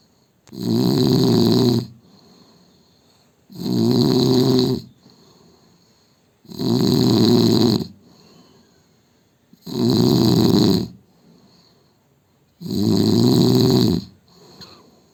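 Loud, rough, rattling snores on each breath in, about 20 a minute, with quiet breaths out between them.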